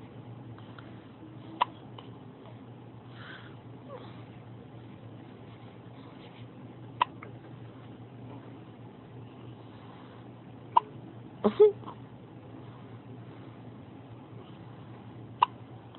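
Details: Two-day-old newborn baby boy waking at 4am with his first hiccups since birth: four brief, sharp hiccup catches spaced several seconds apart over quiet room hum.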